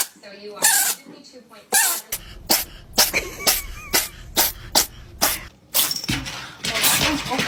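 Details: Kittens: a rapid run of short, sharp, hissing bursts, about a dozen in several seconds, with faint background voices: repeated sneezing.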